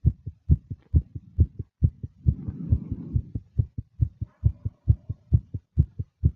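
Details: Fast, nervous heartbeat of a female with breathing sounds: fast heartbeat (tachycardia).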